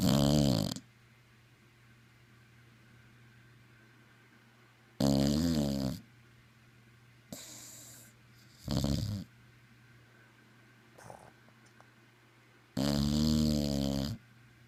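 Loud rattling snores in slow cycles, about four in fifteen seconds, over a steady low room hum; snoring.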